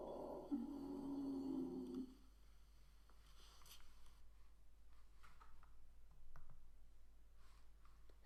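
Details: Teaching lung auscultation through a stethoscope, listening over both lungs from apex to base, on a patient wearing a finger pulse oximeter: expiratory wheeze.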